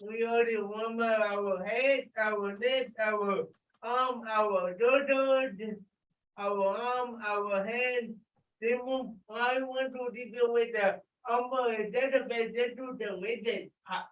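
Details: Dysarthria in an adult with cerebral palsy leading warm-up exercises; a listener notes some people cannot understand him.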